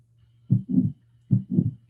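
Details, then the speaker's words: Aortic stenosis murmur from a stiff aortic semilunar valve: two heartbeats, each with a harsh whooshing murmur after the first sound. "okay now aortic stenosis that's when the aortic semilunar valve becomes stiff"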